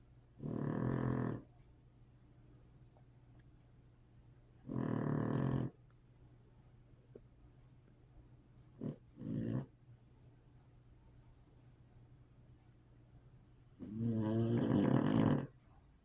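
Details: Sleeping dog snoring: rough, noisy snores and short snorts at irregular intervals.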